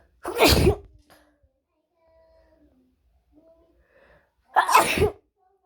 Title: Wide Nose Sneezes Africa.